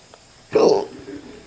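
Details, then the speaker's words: Single short, abrupt voiced gulp, then quiet room noise: a hiccup in a patient with ongoing hiccups at a dentist appointment, staff deciding whether they can work on the mouth. "We're going to see if they can actually work on me with the hiccups. We're not sure yet."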